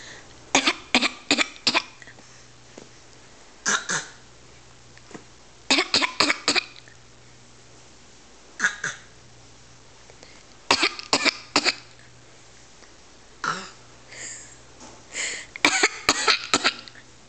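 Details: Child imitating someone's pretend cough: short, dry, forced coughs in brief clusters, a fake cough.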